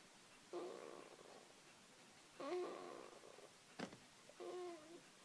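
Repeated rattling snores with a faint whistling edge, about every two seconds, in a quiet room.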